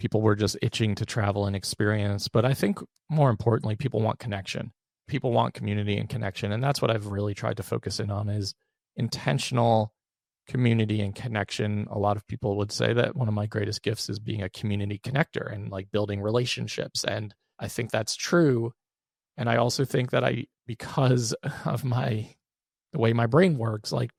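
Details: Adult man with one vocal cord paralysed after open throat surgery for a rare, chronic, recurring throat condition (endoscopic surgery in 2021, recurred within 4 months); voice improved but still fatigues daily; vocal fry from unilateral vocal cord paralysis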